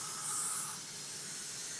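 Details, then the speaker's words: Heliox blender's second flow meter driving a nebulizer with saline for practice: steady, soft airy hiss of the nebulizer running normally. "so as I increase this you now see your your nebulizing your nebulizer is working we're just using some saline for this all-purpose practice"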